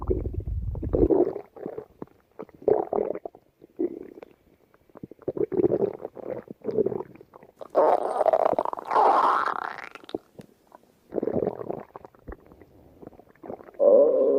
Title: 5 minute of my stomach growling #53